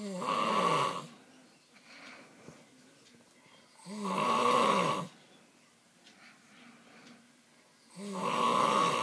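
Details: Adult man's loud sleep snoring that goes on all night: loud, harsh snores about every four seconds, roughly 15 a minute, with quiet breathing between them.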